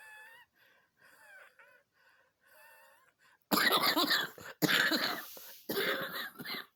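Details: Woman's coughing fit after walking the dog and jogging a bit: faint squeaky, whistling breaths as she tries to suppress the cough, then three loud, harsh coughs break through.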